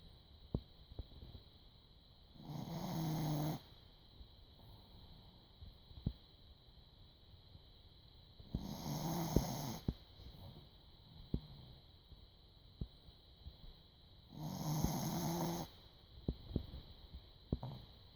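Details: Dog asleep on a couch, snuggled under the owner's folded legs, snoring loudly: three long, low, rumbling snores about six seconds apart, roughly 10 breaths a minute, with faint clicks between: snoring.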